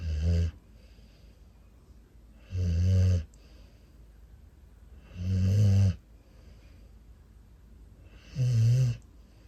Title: Bully Breed Puppy Sleeping & Snoring | Cute Puppy Compilation